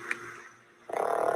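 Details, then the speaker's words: Flat-faced (brachycephalic) dog snoring loudly in sleep; the dog snores loads, which is noted as a possible breathing problem in flat-faced breeds rather than something cute. "So you can hear him snoring, yeah? So these dogs snore loads."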